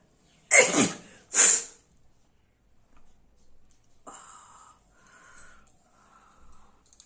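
Two forceful sneezes in quick succession, then quiet sniffing and faint rustling.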